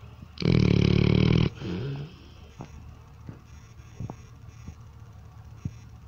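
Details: Dog snoring: one loud, coarse, rumbling breath followed by a softer one, then quiet ticking noises.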